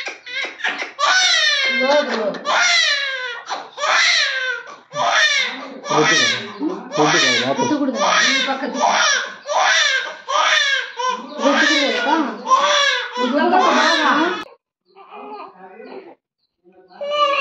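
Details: Loud, rhythmic, high-pitched crying in repeated bursts with short gasping breaths from a baby girl, a pain cry after vaccine injections given in the legs.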